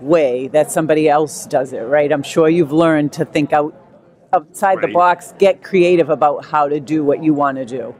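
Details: Adult speaker; normal speech.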